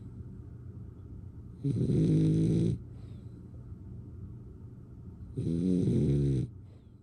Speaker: just resting and snoring.